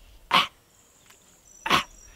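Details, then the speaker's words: A veterinarian imitates a dog clearing its throat with two short, harsh, hacking bursts, as if something were stuck in the throat: throat clearing (gagging cough) in a dog. "C'est-à-dire qu'il y a un mouvement de langue et on a l'impression que le chien a quelque chose de coincé à l'intérieur de la gorge."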